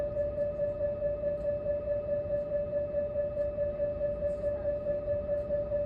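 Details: Steady muffled tone with rapid regular pulsing, about 140 per minute, heard from behind a closed door: MRI scanner running.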